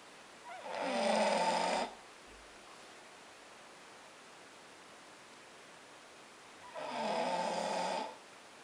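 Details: British Bulldog sleeping with his head on a Boxer as a pillow: two long, loud rattling snores about six seconds apart, quiet breathing between; snoring.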